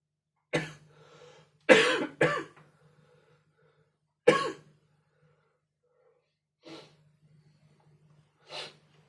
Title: Coughing 20240626 01:47